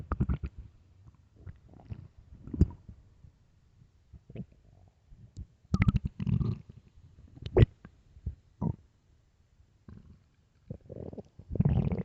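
Loud low gurgling rumbles in bursts with quiet gaps: stomach growling from hunger.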